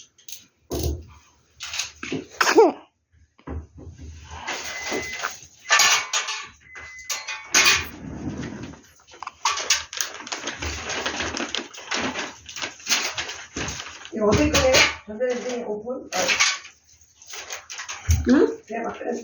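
A brief, sharp infant sneeze amid household clatter, followed by a short vocal exclamation; a normal reflex.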